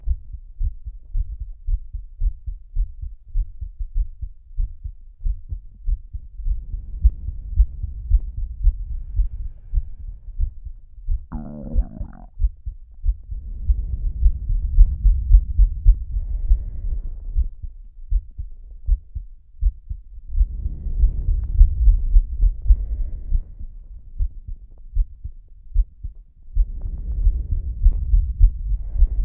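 Steady, low thumping heartbeat at about 109 beats a minute, with slow, heavy breaths rising and falling over it.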